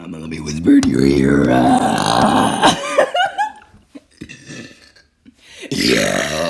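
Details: Woman's thick relieving burps: a long, deep, rumbling belch followed by shorter burps and voiced sounds, repeated loud burping.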